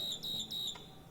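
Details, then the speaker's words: Ventipac ventilator (adult, child and infant above 10 kg, flow-set, single-limb circuit) sounding its low-pressure alarm on circuit disconnection: repeating high-pitched electronic beeps. "And it also alarms, low pressure."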